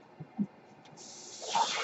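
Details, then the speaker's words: Breath cycle of the podcaster's own mechanical ventilator, heard while he speaks: two soft thumps, then a rising airy hiss that swells and holds. "My name is. And that noise you're hearing is my ventilator."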